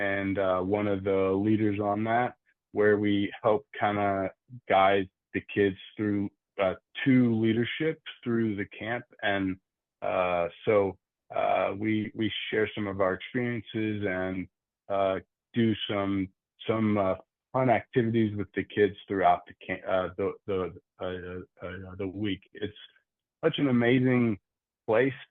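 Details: Adult man who stutters, with repetitions and filler "uh" sounds; stuttering.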